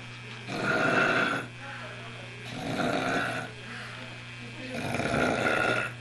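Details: Recording from 1 January 1989 of loud, pig-like snoring during sleep: deep, rumbling, rough snores, three in six seconds, with a steady background hum.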